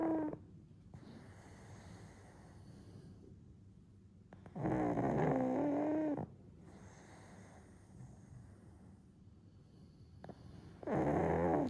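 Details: 1-year-old pug napping and dozing off again, snoring: loud, voiced snoring breaths roughly every six seconds with quiet stretches between.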